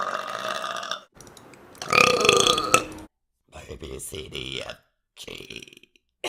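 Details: Several loud, drawn-out voluntary belches separated by short pauses, some shaped like spoken sounds; burping.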